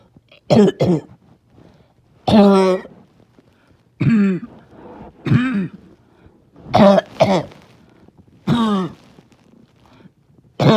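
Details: Barking cough, trying not to choke on a rough day: about nine harsh, honking, resonant bursts in single and paired groups with quiet gaps.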